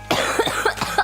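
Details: Several quick, short coughs in a row from a young woman, with faint room sound behind; cough.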